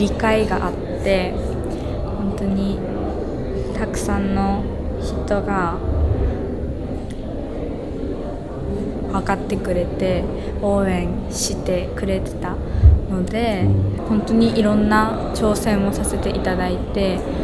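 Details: Young female student who stutters, working at a café staffed by students who stutter; her stuttering worsened around the summer of her second year of middle school; stuttering.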